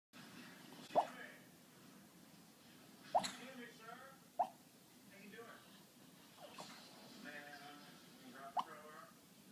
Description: Dog Snore Sounds Like Raindrops